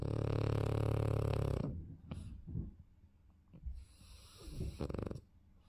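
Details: Snoring from a French Bulldog.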